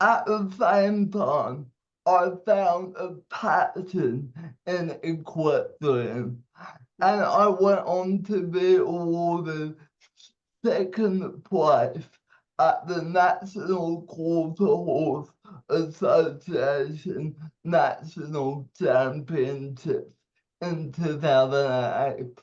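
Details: 27-year-old man with cerebral palsy, speech affected by his condition; dysarthria (cerebral palsy).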